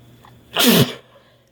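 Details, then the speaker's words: A single sharp, forceful sneeze with breathy burst and voiced ending from a woman, induced by snuff-type sneezing powder (chhinkni) on first use, over faint room hum. "I'm going to introduce something else to maybe get myself sneezing here."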